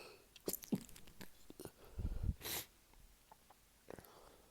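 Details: Early-morning sneezing fit from a tickle, beside a sleeping friend, some hard to stifle: quick breaths and muffled bursts, then one sharp hissing sneeze; partly stifled sneezes in a sneezing fit.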